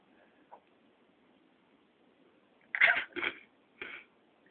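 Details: Person deliberately making herself sneeze: three sharp sneeze bursts in quick succession, the first loudest, in a quiet room.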